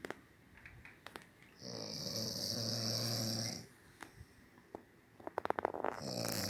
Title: Dad snoring